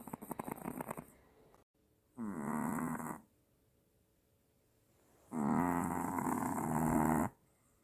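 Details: Sleeping Maltese (small dog), owner suspects apnea, snoring loudly and startling awake: loud rattling snores on two inward breaths with a long quiet pause between them.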